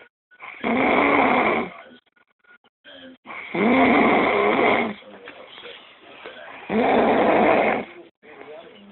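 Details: Adult woman (girlfriend) asleep, undisturbed by nearby talking: loud, rough snores about 20 a minute, each drawn-out inhalation vibrating harshly, with quiet pauses between. Heavy snoring.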